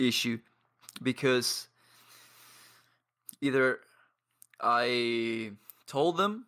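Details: 22-year-old man from Paraguay with lifelong stuttering, present as long as he can remember, with blocks and pauses; he practises daily with a stuttering community.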